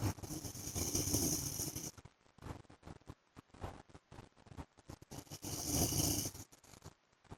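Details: An adult man (husband) snoring in sleep: two long, loud, rough breaths about five seconds apart, with clicking noise between them.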